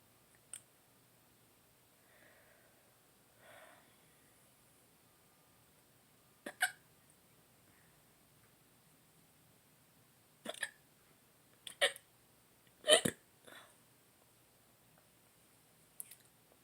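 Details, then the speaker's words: Adult who woke with hiccups after possibly drinking too much the day before, tired: soft, quick, irregular hiccup clicks with faint breaths in a quiet room; hiccups. "I may have drank too much yesterday. And I woke up with hiccups. So tired."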